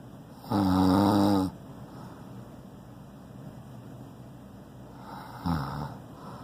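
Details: Man snoring loudly again during sleep: loud, rattling inspiratory snore, then a quieter second snore after a long pause.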